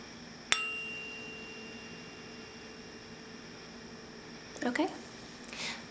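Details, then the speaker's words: Sharp strike, then clear ringing tone slowly fading from a tuning fork placed on the forehead for the Weber hearing test, in a role-play ear examination. "I'm going to start with the Weber test I'm going to place a tuning fork on your forehead here it is and I'm going to hit it"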